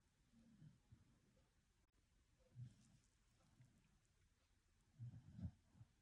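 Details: Soft, low rumbling snores from a sleeping pet, recurring about every two to three seconds with quiet breathing between, in a quiet room.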